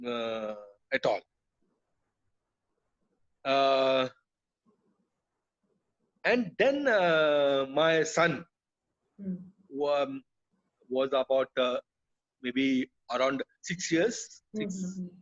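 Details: Adult male, years after a haemorrhagic stroke hitting the speech centre with total speech loss, relearned speech through speech therapy; still hesitates and cannot always finish sentences: aphasia after stroke.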